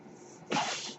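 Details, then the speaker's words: Noise from the speaker's own ventilator, heard at the start of a podcast recording: the sound of a mechanical ventilator. "Hello, everyone. My name is, and that noise you're hearing is my ventilator."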